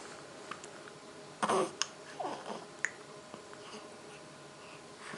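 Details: Child at home with hiccups: a few short, abrupt hiccup sounds in a quiet room, spaced irregularly.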